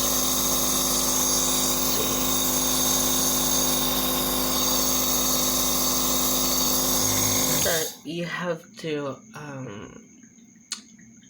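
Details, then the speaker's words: Surgitech mini compressor nebulizer filled with clean water for a demonstration: a steady buzzing hum for about eight seconds, then switched off, followed by brief room sounds; the nebulizer is running. "i just plug the compressor in and see how it works now it's really working"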